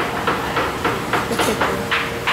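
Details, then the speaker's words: Fetal heartbeat heard on Doppler ultrasound at the 13-week prenatal appointment: fast, regular whooshing pulses, around 190 beats a minute. "then after that is the actual ultrasound we'll be able to hear the heartbeat"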